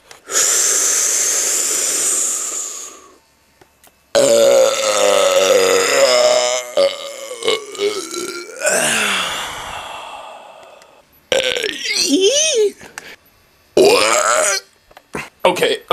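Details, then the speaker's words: After drinking a whole bottle of Coca-Cola and holding it in for 14 minutes, a series of long, loud voiced belches, several lasting seconds each, with brief pauses; he can't stop, stomach feels loaded; burping. "it has now been 14 minutes since I've drank a whole bottle of Coke without burping and now it's just coming out wo that was weird I can't stop make it stop"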